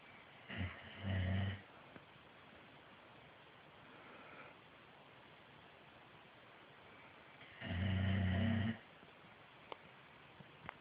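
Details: Dog snoring while napping: two loud, low, rattling snores about seven seconds apart, faint breathing between, in a quiet room.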